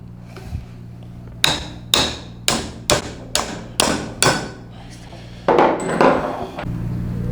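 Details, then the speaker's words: Seven sharp, ringing mallet blows at an uneven rate over steady room hum, impacting the plastic liner into a fixed uncemented acetabular component by press-fit during hip replacement surgery. "Una vez ya fijo nuestro componente acetabular, vamos a colocar el inserto de plástico, el cual se coloca y se impacta para que entre también a presión."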